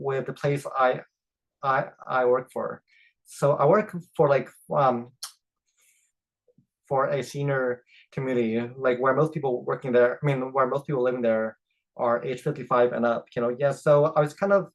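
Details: Adult man who stutters, speaking with part-word repetitions and interjections; stuttering.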